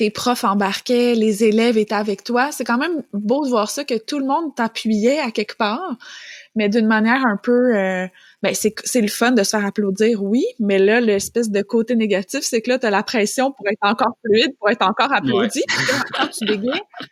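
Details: Adult woman; normal speech.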